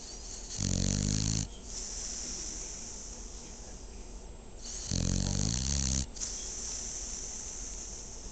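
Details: Sleeping female dog snoring: two loud rattling snores a few seconds apart with quieter breathing between them.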